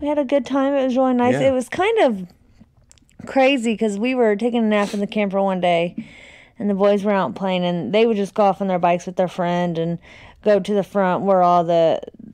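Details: Adult woman speaking; Normal speech.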